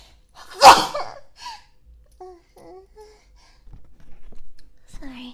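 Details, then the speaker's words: Sneeze: one loud, explosive sneeze followed by a few soft vocal sounds; the person then apologizes for sneezing so loudly. "That was a very loud sneeze. I didn't mean to sneeze so loud. Sorry."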